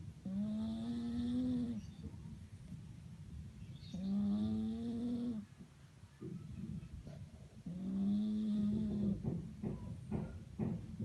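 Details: Flat-faced (peak-nose) cat snoring: three long, buzzy, tone-like snores about every four seconds with faint snuffles between; noisy breathing through a narrowed airway.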